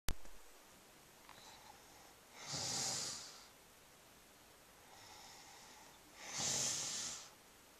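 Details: Pregnant woman who never snored before pregnancy, snoring in sleep: two slow, airy, hissing breaths about five seconds apart in a quiet room.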